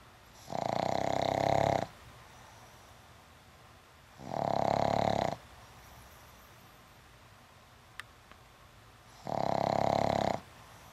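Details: Pug sleeping after an afternoon at the dog park, with three loud, rattling, buzzy inspiratory snores at about 13 a minute and quiet pauses between, likened to a Harley Davidson: snoring.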